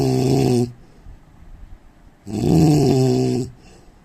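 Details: Adult Indian man: two loud, harsh, vibrating snores, each about a second long, separated by quiet pauses; heavy snoring.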